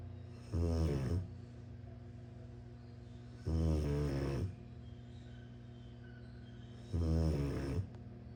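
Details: Sleeping Rottweiler puppy with three deep, rumbling snores about every 3 seconds, nearly 20 a minute, over steady background hum; snoring.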